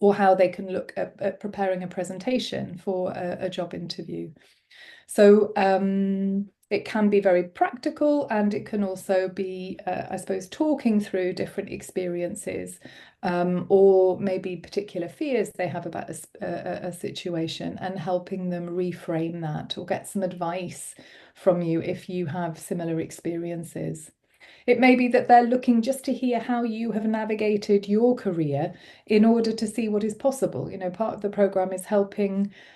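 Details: Adult woman speaking; typical speech.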